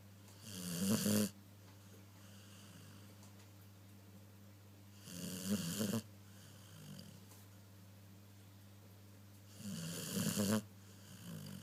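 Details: Loud, rough dog snoring in three bursts about every 4.5 seconds, roughly 13 breaths a minute, over a steady low hum.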